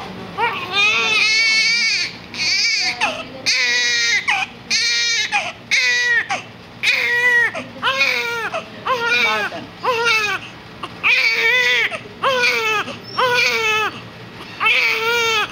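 Loud, sustained infant crying in repeated wailing bursts with brief breaths between; ordinary vigorous baby cry.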